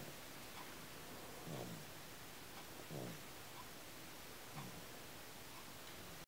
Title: I can hear you snoring!